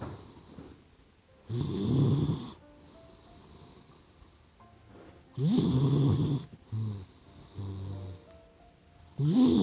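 Repeated rumbling snores on breathing in, about sixteen a minute, over soft background music; ordinary sleep snoring in a puppy.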